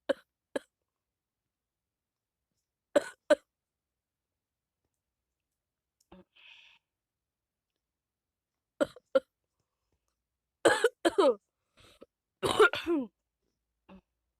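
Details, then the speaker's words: A person with a cold (not flu) gives several short, dry coughs, some in pairs, with vocal exclamations in between in a quiet room. Cough from a cold. "But as you can tell in my voice that I can't even like talk because I'm getting a bad cough. It's not bad, but it's just a cough."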